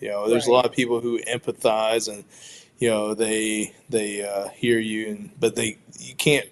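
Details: Stuttering in an adult man who identifies as a person who stutters; audible word and part-word repetitions.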